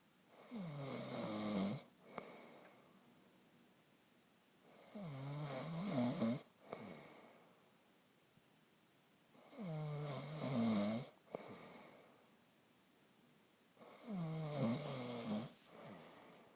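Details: A man snoring, recorded on his phone: four loud, rattling, low snores on breathing in, evenly spaced at about 13 breaths a minute, with quiet breathing out between; snoring.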